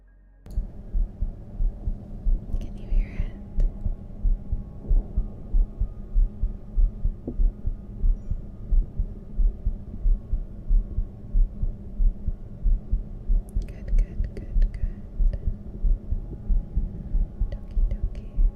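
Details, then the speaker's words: Normal heartbeat picked up through a chest microphone during a live ASMR stream: steady, regular low thumps at about 92 per minute. "I'm going to mute real quick while we set up for heartbeat"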